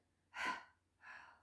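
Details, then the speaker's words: Demonstrated huff breathing (forced expiration technique) in a week 9 exercise session: a short inhale, then a long huff forced out rather than blown like a candle; one strong open-throat huff, then a second softer huff. "So inhale, so short inhale, and then a long huff sound out. So you're kind of forcing it out, rather than kind of blowing out a candle."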